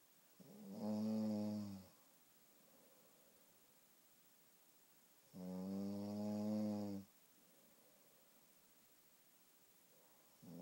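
Two long, loud, buzzing snores about five seconds apart with quiet pauses between, roughly 12 a minute; plain snoring.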